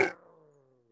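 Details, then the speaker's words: Needle EMG teaching recording: brief buzzing discharge whose pitch falls and fades like a WWII dive bomber, amplitude and spike frequency waxing and waning; myotonic discharge, suggesting myotonic dystrophy or related disorders. "e things sound like a dive bomber in those world war two movies [Music] okay and so when you see these you think about my atomic dystrophy and there are other dose disorders"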